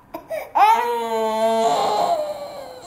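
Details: A young child gives a couple of short whimpers, then a sustained, tonal wail, apparently not wanting to sit on the floor; ordinary protest crying.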